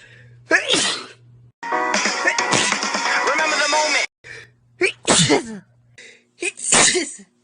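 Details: Self-recorded bout of repeated sneezing lasting about a minute, not pepper-induced: several sharp sneezes in quick succession with background music. Sneezing.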